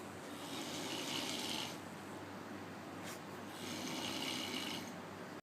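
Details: Prank imitation of snoring, not natural sleep: two long, raspy, hissing snore-like breaths a few seconds apart, made while a male friend is filmed appearing to sleep.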